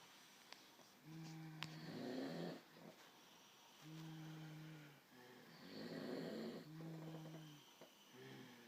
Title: Snores and farts everywhere